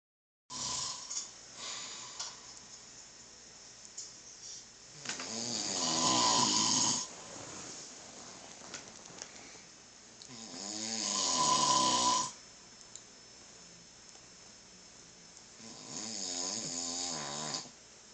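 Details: Adult man (the uploader's father) snoring: loud rattling snores on each breath in, about three in 18 seconds, with quiet breathing between; heavy snoring.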